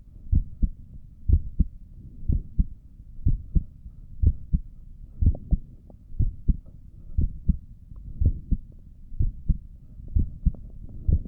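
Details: Own heartbeat recorded by stethoscope while sitting at a desk for five minutes at rest: steady paired low lub-dub thumps at about 60 beats a minute, regular; normal heart sounds.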